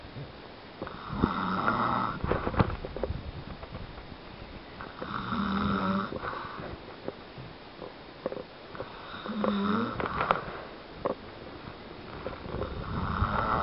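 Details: A father snoring: loud, rough, rattling snores with each breath, three clear cycles roughly every four seconds, about 14 breaths a minute, with small clicks and room noise.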